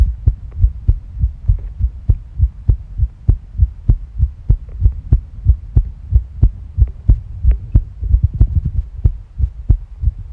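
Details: Tachycardia with stomach sounds: fast, regular low heart thumps at roughly 94 beats a minute; heart rate increasing.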